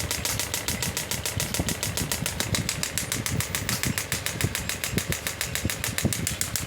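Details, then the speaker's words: Biotronix pneumatic radial shockwave therapy device (10-bar machine) firing, demonstration: steady rapid ticking pulses, close to two per second, over a constant mechanical hum. "When I will press the same, it will start giving shockwave. You can see it's 3 bar energy."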